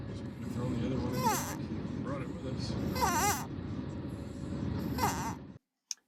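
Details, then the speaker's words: An infant with spina bifida has a high-pitched crowing squeak about every two seconds; this breathing problem led to a hospital return: inspiratory stridor. "What you just saw and heard was a couple examples of our son experiencing stridor. It's a breathing condition, and it was one of the symptoms that led us to believe that we needed to take him back to the hospital at U of M to find out what was going on."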